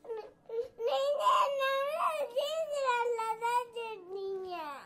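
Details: Infant crying in a small room: rising and falling cries with whimpering breaks; ordinary infant crying.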